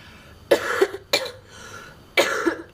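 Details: Person who says they are sick with a cracky voice: three short, harsh coughs in quick succession in a quiet room.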